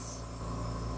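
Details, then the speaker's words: Medical-grade oxygen concentrator running a small serum nebulizer during an oxygen facial for a patient four days after CO2 laser resurfacing for acne scars: a steady low hum with a soft continuous hiss. "all right so now we're ready for the oxygen and this is a medical grade um oxygen concentrator you guys probably have seen these before maybe in hospitals or whatever"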